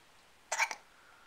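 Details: A baby girl with hiccups, being coaxed by her parents to laugh, gives a single short, breathy catch with a quick second click.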